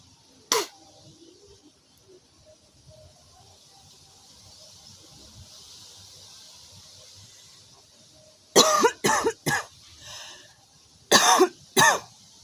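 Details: Young woman smoking outdoors, frequently spitting and hocking phlegm; six harsh, forceful coughs in two clusters after a single early cough, with outdoor background noise: smoker's cough.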